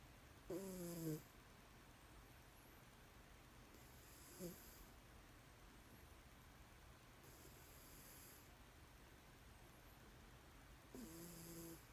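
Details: Cat sleeping on a Spongebob blanket, snoring softly and low, a few breaths spaced several seconds apart over steady room noise; ordinary sleep snoring.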